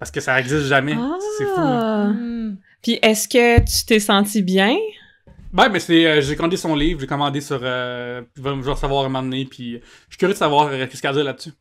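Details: Cluttering in an adult man, a comedian, who only learned as an adult that speech therapy exists for cluttering; it is often mistaken for stuttering.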